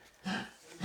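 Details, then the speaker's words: Single short, husky cough from a dog in a quiet room: dog cough. "tousse. Désolé. Pauvre petit. Je pense que pauvre petit Covid, j'ai l'impression que ses jours sont comptés, là."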